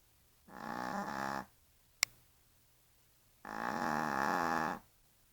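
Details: Sleeping Yorkshire terrier snoring: two long, buzzy snoring breaths with a quiet gap between them, in a quiet room.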